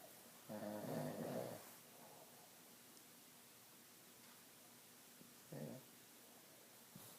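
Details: Crazy snoring: two loud, rough, rattling snores a few seconds apart, the first long and buzzing, the second short, with quiet breathing between.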